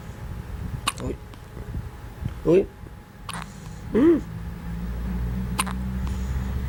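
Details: A baby girl with hiccups: several brief, abrupt, voiced gulping sounds at irregular intervals over a few seconds.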